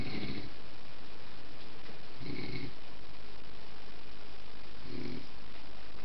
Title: Snore Dog Millionaire 3